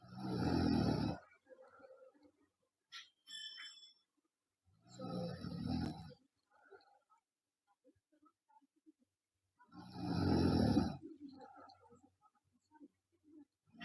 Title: Loud Snoring Girl